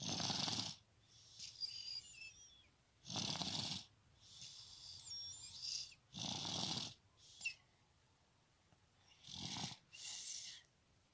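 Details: Napping baby girl (a third daughter) snoring lightly: soft, hissy, whistling breaths roughly every three seconds, about 20 a minute.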